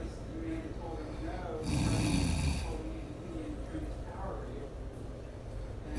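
One loud, rough, rattling snore on the in-breath, with quieter breathing and faint background sounds around it; ordinary snoring.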